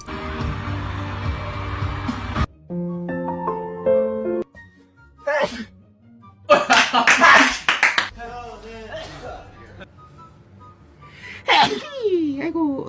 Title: bts member sneezes/ follow for more